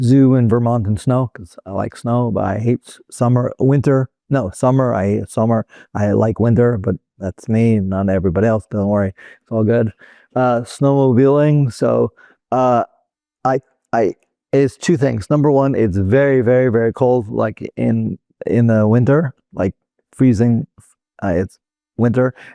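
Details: Adult man, former paramedic, with Broca's aphasia since a 2007 stroke, speaking non-fluently with telegraphic, repetitive speech; Broca's aphasia.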